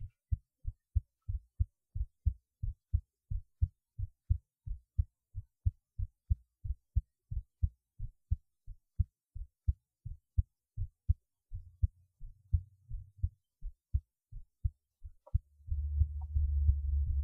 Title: heartbeat while lying on my left side